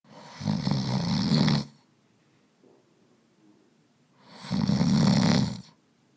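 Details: Sound-effect recording of an adult man snoring: two loud, rattling in-breath snores about a second each, separated by quiet pauses; snoring.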